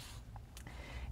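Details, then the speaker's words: Woman who says she just rolled out of bed and is hungry; low, irregular rumbling gurgle from the belly: stomach growling (borborygmi). "and that was my stomach did you hear that i'm hungry i just rolled out of bed"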